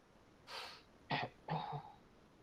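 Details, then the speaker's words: An adult woman, a teacher with a cough that day that affects her voice, gives a breathy throat-clearing burst followed by two short, voiced coughs in a quiet room before a presentation. "Maf suara saya tak berapa Oke sebab hari ni batuk ser harap"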